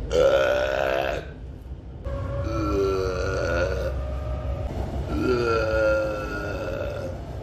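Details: Adult man wearing a mask on a commuter train: three loud, voiced belches over the low rumble of the train.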